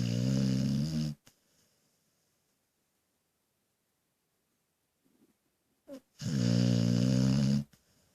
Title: Snoring dog